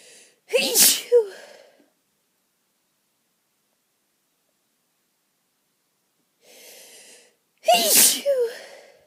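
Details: Two forceful allergy sneezes from an itchy nose, each preceded by a sharp inhaled build-up, with faint background household noise.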